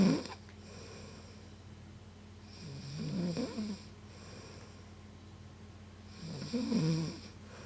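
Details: Adult woman snoring in sleep: loud, rough snores on each breath in, about every three to four seconds, over a steady low room hum.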